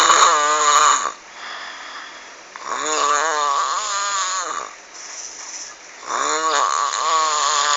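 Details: Heavy snoring during sleep: loud, croaking, frog-like, rattly snores, about three in eight seconds, with quieter exhalations between.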